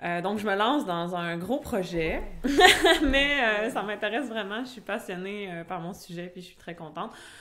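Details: Adult woman who stutters, speaking French; stuttering.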